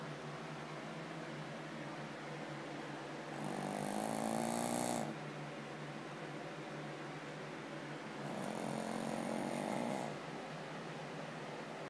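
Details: Very loud snoring, described as louder than any human: two long, droning snores on the in-breath, a few seconds apart, over steady room hum.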